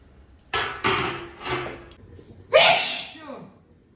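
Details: Several sharp, explosive bursts of air through the nose and mouth with a louder final burst, recorded during a sneezing and nose-blowing challenge; sneeze.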